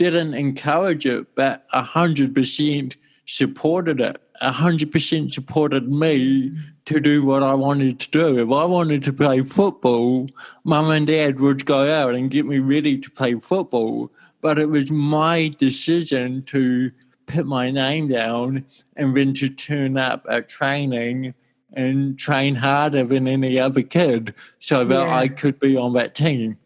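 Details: Adult male with cerebral palsy since birth in 1984; his walking and talking were affected; he had daily speech therapy for his first seven years; dysarthria (cerebral palsy).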